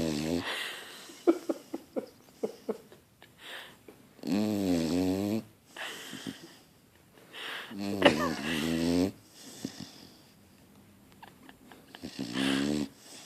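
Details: Sleeping dog named Snoopy snoring loudly, said to be louder than a person: loud buzzing, fluttering snores separated by quieter snuffling breaths and clicks; plain snoring.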